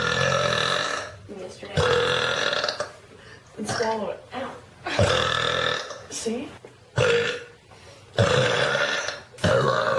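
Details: Burp compilation: several loud, drawn-out burps one after another, with brief talk between them; burping.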